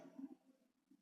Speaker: I'm sorry if you can hear my stomach growling it's crazy it just is going nuts over here I apologize